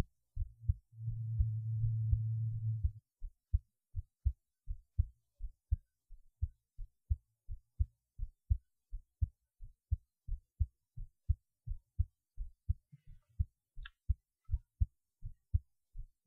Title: heartbeat while lying on my left side